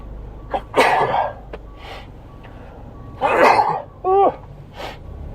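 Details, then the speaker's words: An adult who mentions a recent allergy fit from dust while cleaning announces a sneeze, then gives two sharp, explosive sneezes followed by a brief voiced exhale. "pardon me oh and I have to sneeze I feel a sneeze wait for it"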